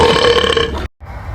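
One loud, drawn-out burp lasting under a second, then a brief pause and noise, during a burping game.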